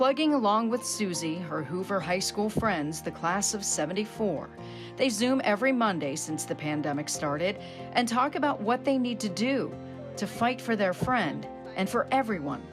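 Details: Adult female news correspondent; reporter speech.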